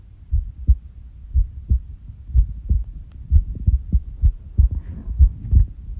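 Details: Low heart thumps with uneven spacing between beats, an unusual heart sound tagged as irregular heartbeat (arrhythmia).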